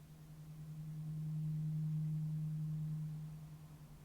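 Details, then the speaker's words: Simulated role-play ear examination for hearing loss of several weeks, worse in the right ear than the left: a low, steady tuning fork hum swells and fades over about four seconds as it moves near and far from the ear. "and that time yeah it was that accurate and similar thing so you can hear when it was really close really far away"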